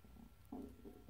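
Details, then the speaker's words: Adult's stomach grumbling at lunchtime, recorded while working on a beading tutorial: a short, low gurgling rumble of ordinary hunger sounds (borborygmi). "sorry if you can hear my stomach grumbling it's lunch time here it happened in my last video"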